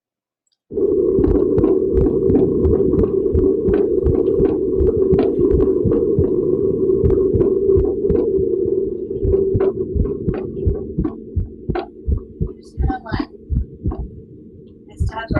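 Rapid, irregularly spaced heartbeats, roughly 170 a minute, over a steady low hum: atrial fibrillation.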